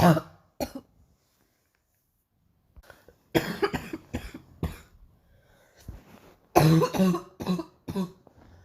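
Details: Bursts of harsh, low, chesty coughing in two clusters separated by silence; a morning cough the person describes as really painful.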